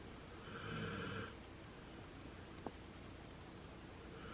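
One soft, low snore with a snort-like rasp, followed by quiet breathing and a faint click in a quiet room. A dog snoring.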